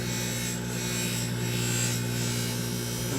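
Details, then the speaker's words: Dental lab lathe with an aluminium oxide wheel roughly shaping the labial acrylic thickness of a wraparound retainer: steady motor hum with a rasping, grinding texture, ordinary lab equipment noise. "So, mainly what I do with this aluminum oxide wheel is I Just do bulk trimming, do bulk shaping."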